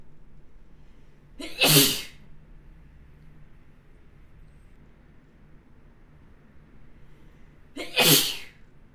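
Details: Two separate sharp sneezes about six seconds apart from a model, each a short intake followed by a loud burst, over quiet room noise; sneezing.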